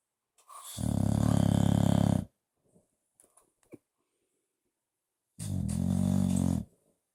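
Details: Bulldog snoring while napping on its owner's lap: two long, loud, rattling snores with a deep buzzing vibration, separated by a quiet pause with small snuffles.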